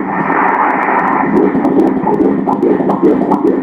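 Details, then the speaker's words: Ultrasound at 14 weeks 2 days of pregnancy: rapid rhythmic whooshing Doppler fetal heartbeat at 145 beats per minute, a normal rate. "बाळाचे हृदय वारंवारतेवर आहे 145 बीट्स प्रति मिनिट 145"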